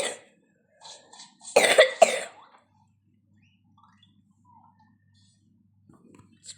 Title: Busting Myths In MPG! (don't mind me coughing I'm just sick)